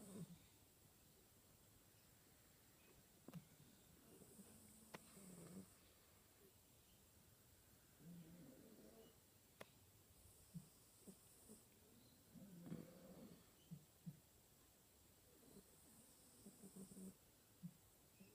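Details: Soft, low rattling snores recurring every few seconds over quiet room noise; ordinary snoring.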